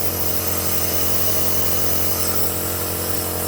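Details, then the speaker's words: Omron NE-C28 compressor nebulizer running with mask attached, delivering medication mist: steady loud mechanical buzz and hum. "तो इस तरह से आप उसको यूज कर सकते हैं आप देख पा रहे होंगे कि वे इस तरह से मेडिकेशन को सप्लाई करता है"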